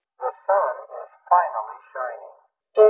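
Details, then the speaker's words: Simulated cochlear implant sound quality, approximations ordered poor first and better last, including Polish phrases: a short spoken phrase with a buzzy, narrow, tinny quality. "this demonstration, the poor sound qualities are played first and then the better sound qualities are played at the end."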